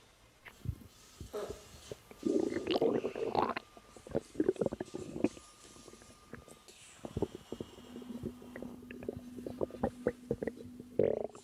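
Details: Woman about 3 months pregnant, relaxing, with natural stomach growling: gurgling, bubbling abdominal sounds with clicks and a brief low tonal rumble. Normal bowel sounds (borborygmi).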